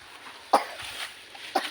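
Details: Goat coughing after eating (Vian's goat): two short, abrupt cough bursts over faint outdoor background noise.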